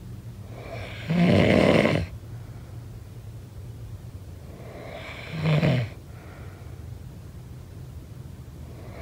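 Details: Sleep snoring sound-effect recording: two loud, rough inspiratory snores about four seconds apart, a third beginning, over quiet room noise.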